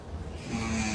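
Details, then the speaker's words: A sleeping cat's snore: brief low rumbling breath rising into a buzzy, steady-pitched tone, loud enough to keep someone awake for 45 minutes. "ya bu kedi nasıl horluyor ya? 45 dakikadır uyumaya çalışıyorum."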